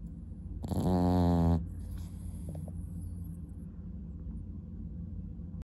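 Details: French bulldog snoring: one loud, buzzing, nasal snore-like snort lasting about a second over a low background hum.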